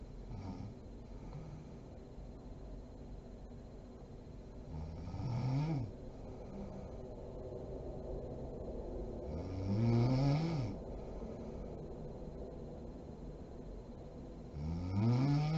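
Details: Sleeping mother snoring: rattling, rising snores on breathing in, about every five seconds, with quiet breathing between.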